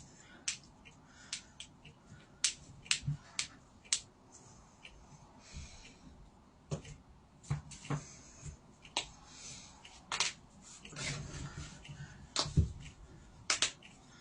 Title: Whole body joint cracking